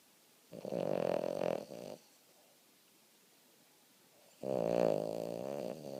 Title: Boston terrier snoring (aka Roxy)